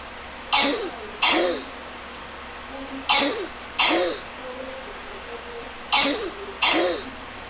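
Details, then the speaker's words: Three pairs of harsh, short barking coughs with quiet breathing between: the typical barking cough, presented in a lesson on laryngitis. "Así como escucharon, es el sonido típico de una tos perruna."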